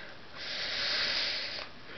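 A muffled, hissing rush of air that swells and fades over about a second, with no open burst; a stifled sneeze.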